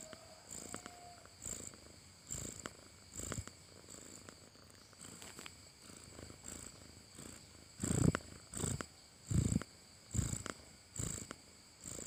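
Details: Sleeping cat snoring: soft rhythmic rumbling breaths with a low purr-like flutter, about 40 a minute.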